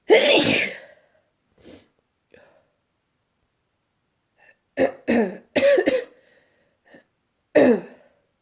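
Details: Late-night sneezing fit while trying to sleep: a loud opening sneeze, quiet pauses, then a quick run of four or five sharp sneezes close together.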